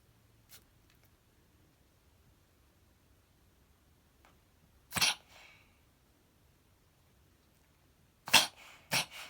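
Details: A cat gives a few sharp, noisy snorting bursts between quiet pauses; episodes were first thought to be hairball coughing, later diagnosed as reverse sneezing.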